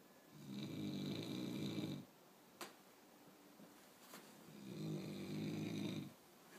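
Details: Person snoring loudly all night, likened to a jet plane: two long, loud, rumbling snores on breathing in, with quiet pauses between, about 13 breaths a minute, in a small quiet room; snoring.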